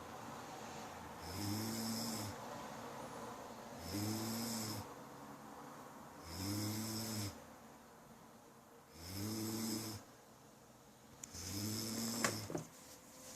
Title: me snoring xaxa